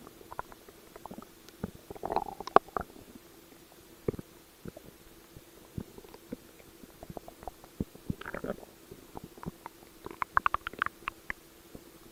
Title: Stomach Growl